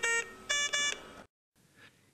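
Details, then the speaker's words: Five rapid high-pitched tones in a group: the high-priority audible alarm of an Avea critical care ventilator, shown with a red LED, signalling a condition needing immediate attention. "red signifies a high priority alarm and is accompanied by a five-tone audible alarm"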